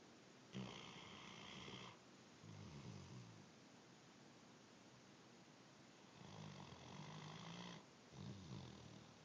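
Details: Great Dane snoring while napping: two long, low, rattling snores a few seconds apart, each on an in-breath, over steady room hiss; snoring.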